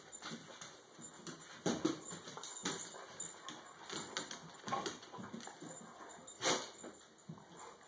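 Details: Snuffling and soft whimpering from a dog, broken by a few short, sharp nasal bursts: a dog's sneeze, heard indoors.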